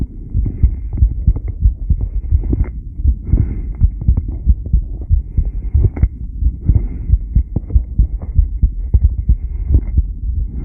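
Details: Normal heart sounds from subject b1, recorded during a rebreathing test with 10-lead monitoring: a steady low thumping heartbeat at about 90 beats a minute with a faint background hum.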